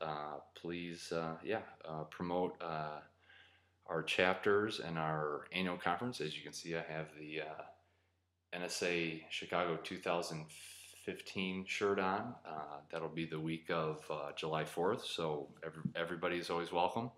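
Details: Adult man who describes himself as a person who stutters; stuttering.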